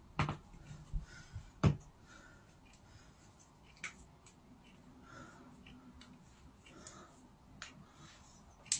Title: Whole body joint cracking